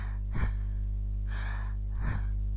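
Soft, low breath sounds with a longer breath in and a brief breath out, no pause between them: normal vesicular breathing.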